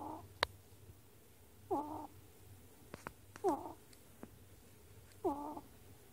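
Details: Pet ferret snoring while asleep, recorded 10 March 2018: short, squeaky, high-pitched snores about every two seconds, roughly 34 a minute.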